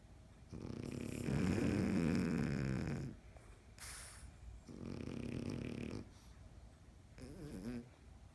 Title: Snoring Frenchies